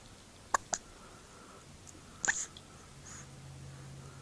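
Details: Hiccups in an infant after feeding: brief sharp squeaky hiccups like a squeeze toy, about three in four seconds, in a quiet room.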